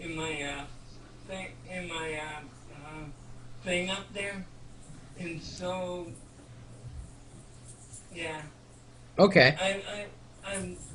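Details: 32-year-old man with cerebral palsy speaking in conversation; dysarthria due to cerebral palsy.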